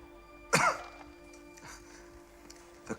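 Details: Acted cough in a fictional thriller film: one sharp cough, then a faint second one, over a steady musical drone.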